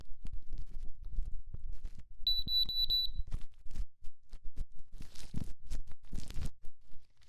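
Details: Short repeated high beeps from an ear thermometer taken in each ear in turn, amid close rustling and tapping; acted ASMR ear exam roleplay, temperature reading normal.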